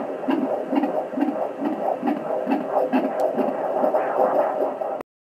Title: 36 Weeks heartbeat rate 140 150